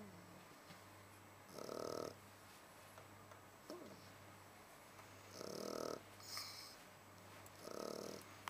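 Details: Three buzzing snores, roughly 16 a minute, against a steady low hum; a sleeping Shar Pei dog snoring.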